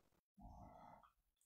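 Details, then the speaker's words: A single rumbling, nasal snore from a sleeping female dog that fell asleep right after eating dinner; ordinary, harmless sleep snoring. "That's Benny. It's Benny's, snoring, right? Benny's a little girl snorer."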